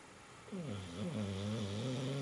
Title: Snore